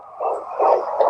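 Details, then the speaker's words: Fetal heartbeat picked up by Doppler in the second trimester, first pregnancy; rapid rhythmic whooshing pulses, roughly 150 a minute: fetal heartbeat. "yep so that was our first time being able to hear the heartbeat and so forth cool to hear it yes"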